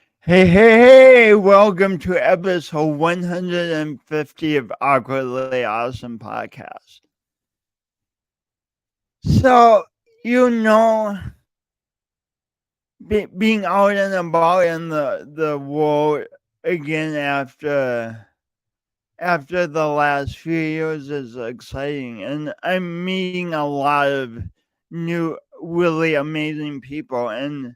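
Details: Male speaker who self-reports an audible speech impediment present whenever he speaks; disfluent speech.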